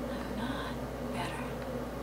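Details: Woman with one vocal cord paralysed, probably viral, after a bad cold with laryngitis around 1982, without her normal voice for 30 years; before surgery; breathy, raspy voice; unilateral vocal fold paralysis.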